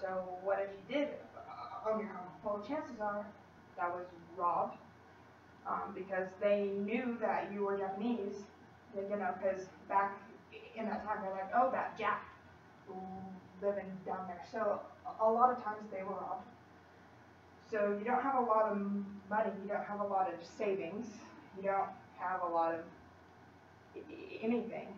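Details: Female college student who stutters, giving a practice presentation to 10-15 people at her speech therapy clinic; stutters more before unfamiliar people or large audiences, sometimes struggles to use her speech technique, tries not to substitute or avoid words; stuttering.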